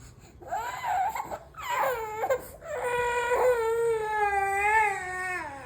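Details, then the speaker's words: An infant girl, calm until placed on the bed, gives a short fussy whimper rising into a sustained, strong, clear cry; ordinary crying that stops when she is picked up again. "நம்ம அடிக்கவே இல்ல. ஆனா heavy அழுக இங்க பாருங்க just ஒரே second அவ்ளோதான். இதுதான் இவங்களோட அழுகு பாருங்க."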